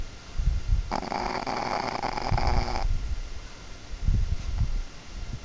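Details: Dog snoring: low rumbling breaths, with a steady mechanical hum partway through, fitting a sleeping dog's snoring.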